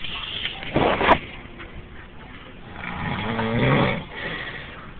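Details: An adult sleeping in a fire station bunk room gives loud rattling snores: a harsh inhaled burst early and a longer rumbling, tonal snore later. This is heavy snoring.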